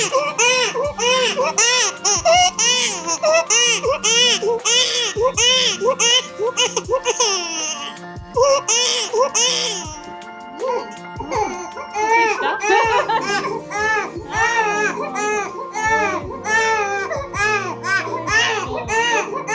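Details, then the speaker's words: A young infant cries hard in repeated high-pitched wails after first vaccinations, crying so much he chokes and struggles to swallow, with background music; infant crying. "Il a tellement pleuré qu'il n'arrivait pas à avaler correctement lol Il s'étouffe , il s'étouffe."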